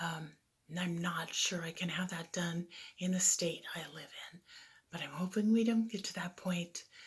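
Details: Adult woman with right vocal fold paralysis from laryngeal nerve damage during cervical spinal fusion (ACDF) six months earlier, two weeks after her second vocal fold injection; she remains slightly hoarse; unilateral vocal fold paralysis with mild dysphonia.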